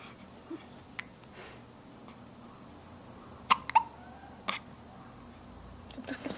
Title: Hiccups again!